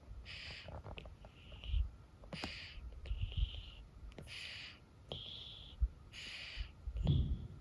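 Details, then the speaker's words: A dog breathing somewhat worse than his usual wheeze, partly through the mouth, which the owner says is not really bad: noisy, congested breathing with a whistling note at about 30 breaths a minute. "Here is an example of his breathing a little bit worse, still not really bad, but a little bit worse than just the wheezing before. You can tell he's breathing out of his mouth a little bit on this one."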